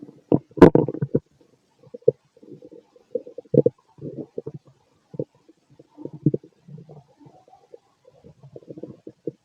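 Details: Adult male late at night, gassy after eating lots of food earlier: gurgling, bubbling rumbles in irregular bursts in a quiet room; stomach growling (borborygmi).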